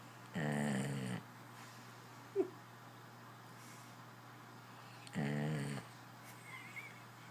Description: Long Duck Dog (AKA Dude) has sleep apnea. You can't watch this without laughing.